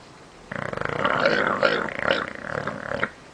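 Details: A bulldog snoring: one long, rough, rattling breath noise with a growl-like buzz, typical of a flat-faced dog; snoring.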